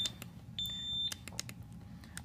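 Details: Sharp short electronic beeps and one longer tone as ventilator settings (inspiratory time, I:E ratio) are changed on a ventilator set up in SIMV volume mode for an intubated patient, over low room hum.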